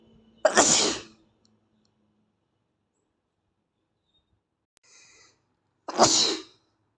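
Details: Asian boy with allergies: two forceful sneezes about five seconds apart with a faint sound between; repeated sneezing.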